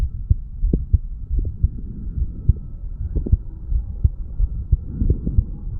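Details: Heartbeat of a 35-year-old male recorded at the mitral/bicuspid valve area after doing weights: regular low thumps at about 100 beats a minute, somewhat fast after exercise, with a steady low hum.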